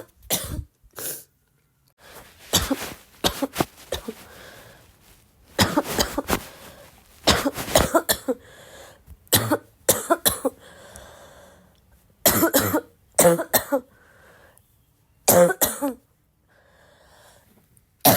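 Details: Girl, still sick, coughing a lot: repeated harsh, barking coughs in short bursts and clusters with quiet gaps, some like throat clearing; persistent cough.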